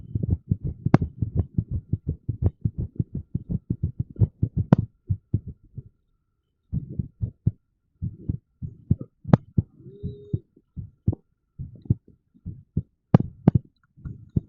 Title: irregular heartbeat sound with tens ⚡️⚡️